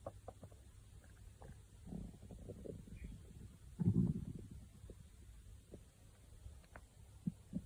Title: stomach growling